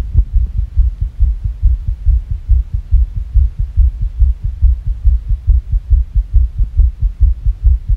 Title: Fast Irregular Heartbeat (sick)